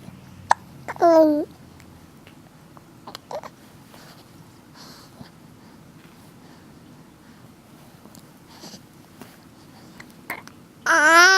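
A few short, abrupt voiced catches, each a sudden gulping chirp, separated by quiet room noise, fitting hiccups.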